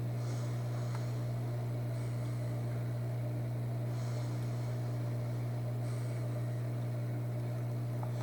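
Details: ResMed P10 CPAP machine on the user's first day of use: steady low machine hum with a soft airflow hiss rising and falling about every two seconds as she breathes through the mask.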